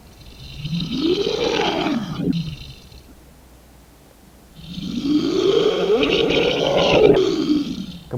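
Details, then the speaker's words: Gargling-type snoring, like someone gargling, from a partly obstructed airway: two long, rough, rattling snoring breaths with a wet quality. "Kemudian yang kedua adalah suara mendengkur gargling atau suara mendengkur seperti orang berkumur."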